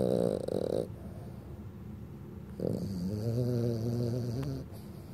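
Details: Dog napping on the sofa in the afternoon snores with a low, fluttering, slightly whining sound on each breath, with quiet pauses between, in an otherwise quiet room.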